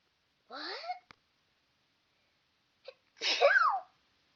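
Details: Two high-pitched, squeaky sneezes, each with a short intake before it, separated by silence; ordinary sneezes with an unusual squealing pitch.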